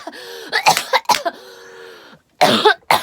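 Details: Adult woman during a live stream: a few short, sharp coughs with hummed voicing in between, in a small room; an ordinary cough.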